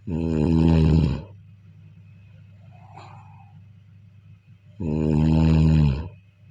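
Two loud, rattling, low-pitched snores on breathing in, separated by a quiet pause with faint room noise; ordinary snoring.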